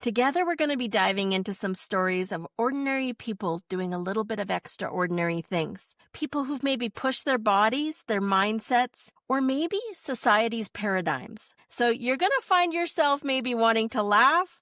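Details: Adult woman speaking; typical speech.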